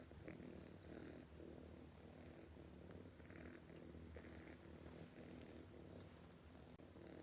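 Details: A sleeping cat makes a continuous low, rough rumbling that rises and falls with each breath; loud snoring.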